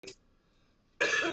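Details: Cough during a smoking session: a short harsh cough, then a louder rough burst like throat clearing.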